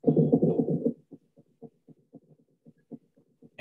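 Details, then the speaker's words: S3 gallop in cardiogenic pulmonary edema, indicating elevated left ventricular end-diastolic pressure: heart sounds with an extra third sound forming a gallop rhythm. "Aquí vamos a encontrar el típico, la auscultación de galope en S3, que es específico de una presión telediastólica ventricular izquierda elevada y se va a escuchar más o menos así."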